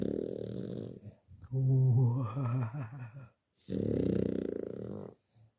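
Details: Loud snoring from a small sleeping dog nicknamed a "snore monster": low buzzing rattles alternating with a drawn-out, wavering, groan-like tone during breathing.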